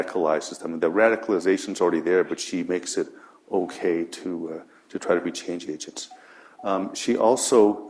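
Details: Adult man speaking; normal voice.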